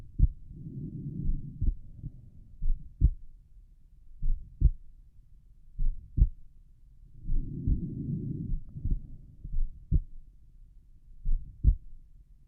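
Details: Normal heart sounds at rest, pulmonic area: soft, regular lub-dub heartbeats at a resting rate, with breath noise rising and falling in the background.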